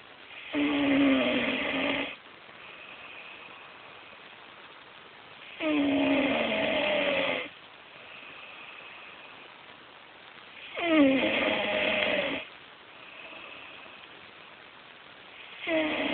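Loud rattling snores on each breath in, about 12 a minute, with quiet breathing out between them; ordinary snoring during sleep.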